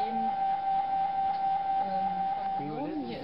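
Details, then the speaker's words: Steady high electronic tone with rapid rhythmic pulsing and shifting tones from an MRI scanner running one imaging sequence, likely T2, during a cervical spine series on a volunteer nurse; each sequence sounds different. "every sequence has a different sound this is the sound of this sequence"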